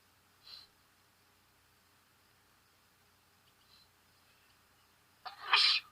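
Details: Adult with allergies sneezing outdoors: faint sniffles, then one sharp allergic sneeze.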